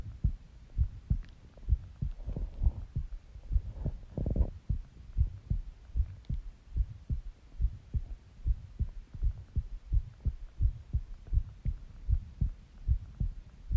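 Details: Person's own heartbeat recorded while resting and partly sleeping: steady paired low thumps at about 75 beats a minute, brief rustle early on; regular, normal heartbeat.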